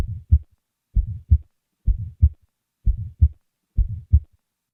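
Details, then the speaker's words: Normal individual with an innocent systolic ejection murmur: regular heartbeat near 63 a minute with a soft, short murmur just after the first sound. "now listen to a normal individual with an innocent systolic ejection murmur"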